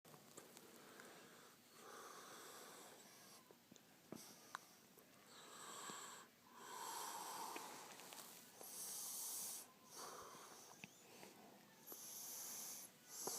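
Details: Sleeping man who says he doesn't snore: repeated hissy, whistling breath noises with each breath, separated by brief pauses; snoring with a whistling quality.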